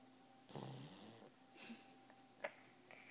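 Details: Pug sleeping, a short rattling, snorting snore on one breath followed by a few soft snuffles; snoring.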